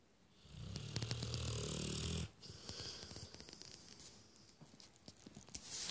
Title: snoring 2015